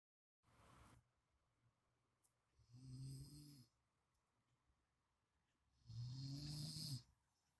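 Two loud, low rattling snores on inhaled breaths, about three seconds apart, with quiet pauses between. Ordinary snoring.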